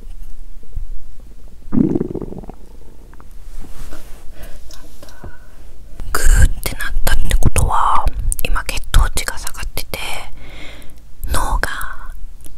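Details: Stomach rumbling from hunger during the early days of a 7-day fast with diluted enzyme drinks: loud gurgling and rumbling bursts from the belly, with bubbling runs between quieter stretches.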